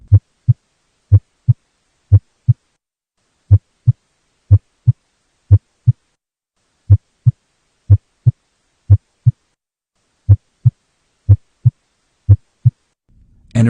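Steady paired lub-dub heart sounds at about 60 beats a minute, a normal regular sinus rhythm.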